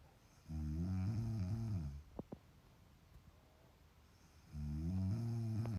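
Loud, low, droning snores on each breath, about four seconds apart, with quiet gaps between; snoring.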